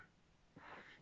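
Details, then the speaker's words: A quiet room, then one faint, rough, noisy breath from a sleeping pet dog in the background; a single snore. "if you can hear snoring i have a doggo in the background just there"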